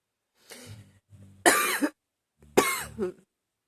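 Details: Two harsh, forceful cough bursts with a strained catch of breath between them, part of a persistent, never-ending coughing fit.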